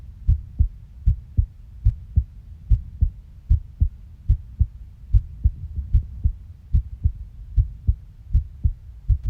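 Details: Heartbeat: steady paired lub-dub heart sounds, low and thumping, at about 75 beats a minute.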